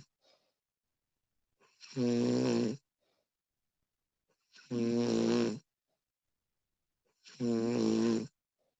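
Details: Recording of a woman snoring during sleep: loud, buzzing snores on each in-breath, about 22 per minute and fairly regular, with silence between; ordinary snoring.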